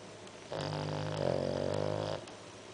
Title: My dog snores louder than my dad